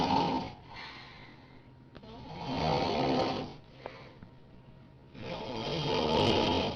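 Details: Friend's very loud snoring that keeps the other person awake: about three loud, rough, harshly breathy snores with quiet pauses between; heavy snoring.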